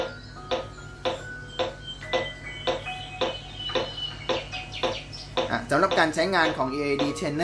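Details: Mindray AED trainer in CPR mode (15:2 or compression-only selectable): regular clicking metronome tones at about 110 a minute pacing chest compressions, with music-like prompt tones at the end.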